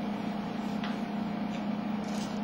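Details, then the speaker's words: Intermittent suction machine with the vacuum mode selector set to regular for continuous suction: a steady low motor hum with a faint tick. "in order to use for continuous suction for any continuous suction procedure you will need to use your white vacuum mode selector and select regular for continuous suction"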